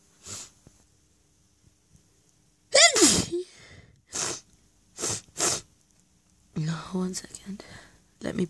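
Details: Loud sneezing fit triggered by flowers, recorded on request, with some stifled sneezes: a loud sneeze with a voiced cry, then several quick stifled sneezes and a sniff.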